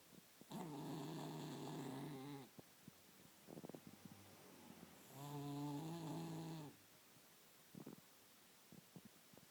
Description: Loudest Cat Snore Ever!